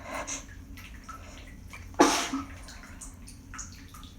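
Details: Single sharp, forceful sneeze after holding back sneezes, following quiet congested breathing in a stuffed-up person using steam, in a small echoey room with running water.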